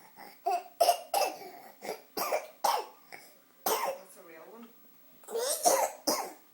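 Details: 6-month-old infant's voluntary, attention-seeking cough: a string of short, dry, deliberate cough sounds mixed with brief cooing.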